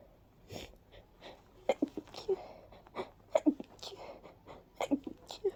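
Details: Person with severe allergies, feeling light-headed afterwards: a run of many soft, breathy little sneezes in quick succession in a quiet room.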